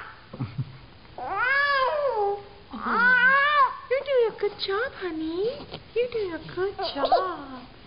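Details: 8-month-old infant crying during tummy time: rising and falling wails with short pauses between cries, room noise in background; ordinary infant crying.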